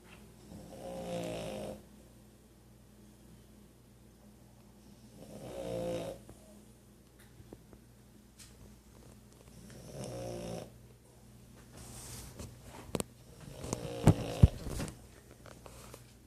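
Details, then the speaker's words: Deep, low rumbling snores about every four to five seconds, roughly 13 breaths a minute; ordinary snoring. "Snorer, isn't he?"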